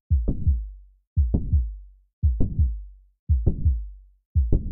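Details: Simulated heart sounds of mitral valve prolapse at about 57 beats a minute, with a click in mid-systole.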